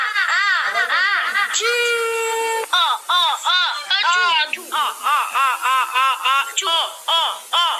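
Loud, rhythmic wailing in rising and falling bursts, roughly two per second, with one longer held cry. An infant crying.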